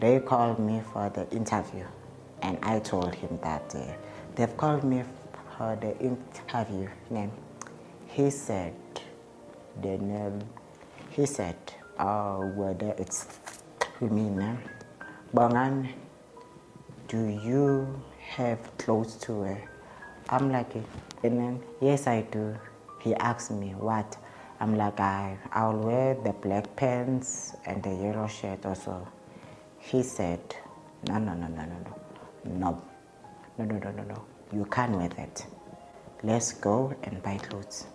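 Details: Adult man's real interview speech; he states he stutters, present since at least grade five (2005), when it caused low self-esteem; he also reports an unspecified positive test and initially delaying medication; stuttering.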